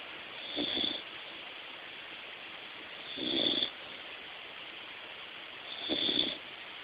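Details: Soft, regular snoring of a sleeping American Eskimo Dog, about 22 breaths a minute, with steady room hiss behind.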